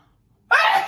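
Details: One sudden, loud, explosive sneeze after silence from an adult woman in a standing, back-bending sneeze recording; she had just woken up and eaten breakfast.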